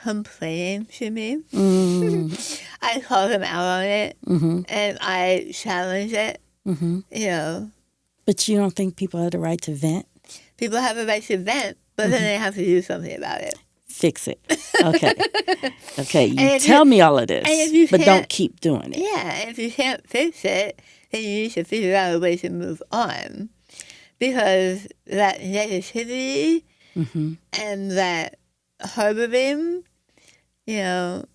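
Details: Adult woman after stage 4 tongue cancer treated with partial glossectomy removing over half the tongue, reconstructed with an arm skin flap, plus chemotherapy, radiation and speech therapy; she reports a changed voice; articulation changes after partial glossectomy.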